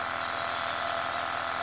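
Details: A 3-year-old boy with flu inhales from a nebulizer by himself: the steady buzzing hum of the nebulizer compressor running during the treatment.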